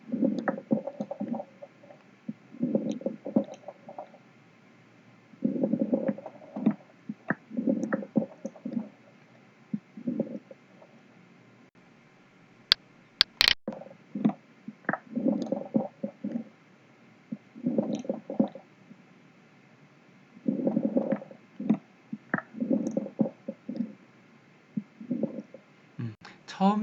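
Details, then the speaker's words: Coarse crackles on chest auscultation, as in pneumonia or bronchiectasis, from terminal or respiratory bronchioles opening, somewhat earlier in inspiration than fine crackles: low-pitched breath sounds with scattered bubbling, popping clicks. "뭔가 좀 이렇게 폐렴이 있다든지 해서 또는 브롱이 같은 것들이 있어서 어 터미널 또는 레스 브롱키에서 열릴 때 나는 소리를 또 코스라고도 하는데 들어보시죠"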